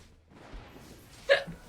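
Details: Female streamer's single short, sharp hiccup against quiet room noise.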